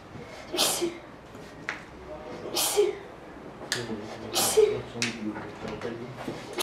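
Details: 15-year-old girl ill for about ten days, referred to hospital, undergoing tests: repeated sharp sneezes, about four in six seconds with little pause; persistent, intractable uncontrollable sneezing.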